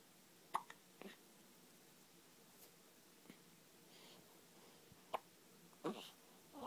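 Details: Tommy (Thomas) hiccuping again, said to have hiccuped since in the womb: a few faint, sharp, brief hiccups at irregular intervals in a quiet room.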